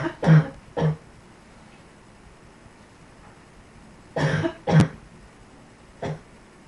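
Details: Five short, fairly dry coughs in pairs with pauses between, in a quiet small room.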